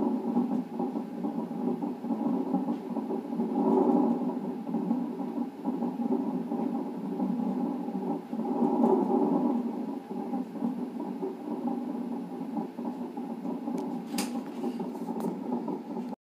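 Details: Rapid, continuous whooshing pulsations of normal fetal heart tones on a fetal monitor during a twice-weekly non-stress test at 39 weeks of pregnancy with polyhydramnios.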